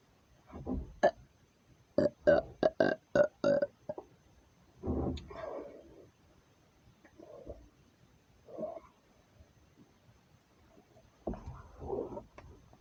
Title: me burping again